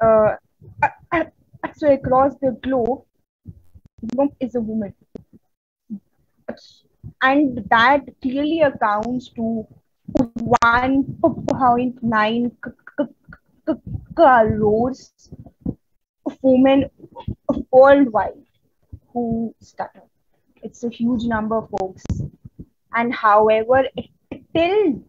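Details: Adult Indian woman who stutters, presenting on women and stuttering at a stuttering conference; stuttering.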